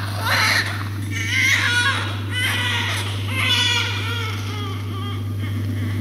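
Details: Repeated high-pitched crying bursts from a small baby during suctioning, with a steady low machine hum in the background; infant crying.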